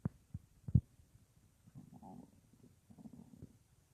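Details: Adult lying on left side, about an hour after soup on a day without a full meal; low gurgling rumbles and soft pops: stomach rumbling at night.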